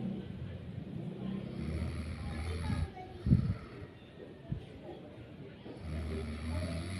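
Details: Snoring from a tired sleeper: low, rattling snores with each breath in, separated by quieter pauses as the sleeper breathes out.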